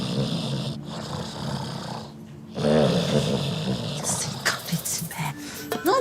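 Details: Acted snoring in a comedy scene: low rumbling breaths under music, followed by livelier sound; simulated snoring.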